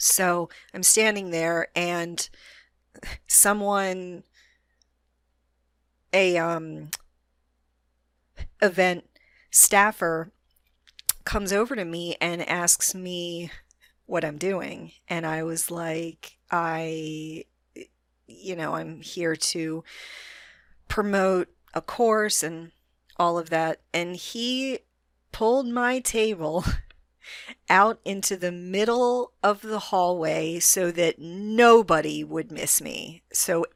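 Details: Adult female with a self-reported moderate stutter that she can control most of the time; stuttering.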